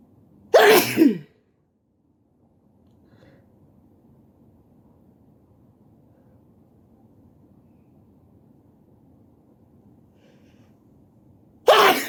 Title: Sneezing while sitting on the floor